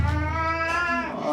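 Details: Rookie, an American Shorthair cat, at a veterinary health check with blood test, X-ray and ultrasound after fasting: a long, drawn-out, wavering yowl never heard from Rookie before, a stress cry during handling.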